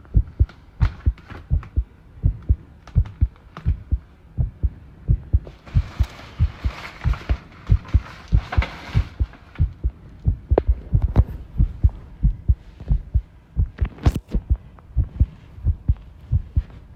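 Heartbeats near 90 a minute with irregular spacing and occasional off-beat thumps, fitting an arrhythmia; brief rustling and rattling noise in the background.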